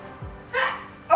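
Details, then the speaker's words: Adult woman during a home workout stretch: a sudden low gulp then a loud voiced croak, a hiccup and belch at the same time, which she says began a few years ago. "Oh, I'm so sorry. I hiccup and I burp at the same time. And I sound like a dinosaur."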